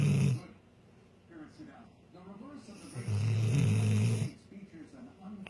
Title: Rottweiler sleeping like a little snoring Angel!